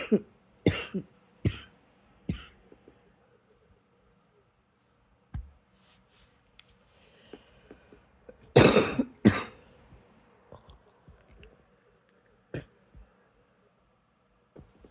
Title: # 155 it's a quiet good night cough but I still need to get this lil thing out xox